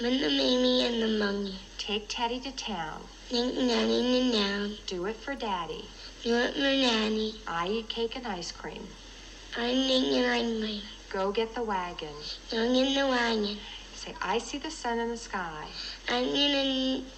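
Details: Child with hypernasal speech, a resonance disorder with the soft palate staying down during speech, used as a teaching example of a voice disorder; hypernasality.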